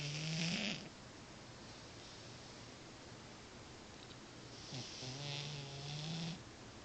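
Soft, buzzing snores with a wheezy whistle, one at the start and another about five seconds later, quiet between.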